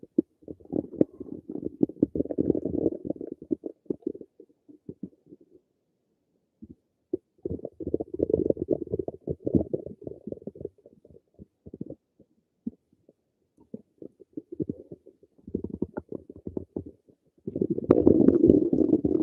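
Long low gurgling and rumbling bursts with quiet gaps between them. These are normal stomach rumbling sounds.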